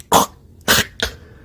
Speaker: know that sound when you're not breathing yeah that and I thought that's that's weird which is actually signs of sleep apnea